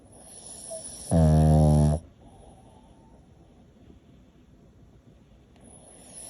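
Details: Pug dog snoring: a single loud, deep, buzzing snort-snore lasting about a second, then quiet room noise; flat-faced dog snoring.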